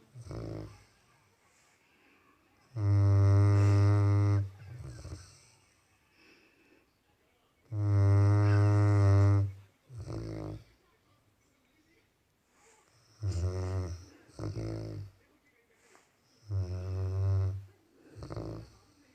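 Deep, droning snores with shorter snorts between, about 12 a minute; snoring in a sleeping dog.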